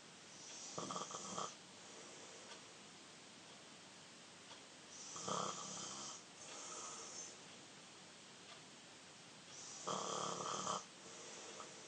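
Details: 13-year-old boy snoring in sleep: repeated harsh, rattling snores on each breath, about every four to five seconds, with quieter breathing between.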